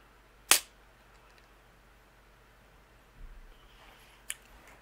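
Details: A single sharp snapping click as a spring-loaded inserter fires a new infusion set for a Medtronic 630G insulin pump during a site change, followed by quiet handling sounds.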